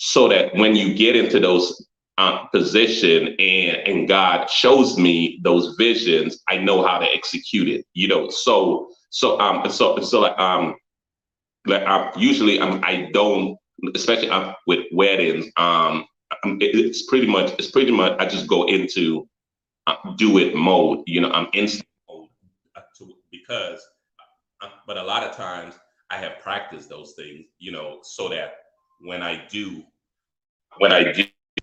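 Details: Stuttering in an adult man, a photographer and former engineer; repetitions of words and frequent fillers.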